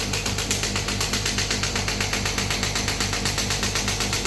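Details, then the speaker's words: 3rd-generation ballistic shockwave therapy machine demo on the operator's own hand, compressor running: rapid regular mechanical pulses about four a second over a steady low hum, frequency and power turned down because of a pricking feeling. "यहां से machine हो गई। Compressor चालू हो गया। जब मैं इस बटन को दबाऊंगा तब मशीन स्टार्ट होगी।"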